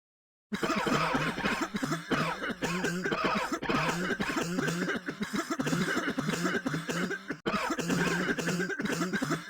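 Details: Rapid, repeated, harsh, throat-clearing coughs run almost continuously, with a possible faint musical background; coughing.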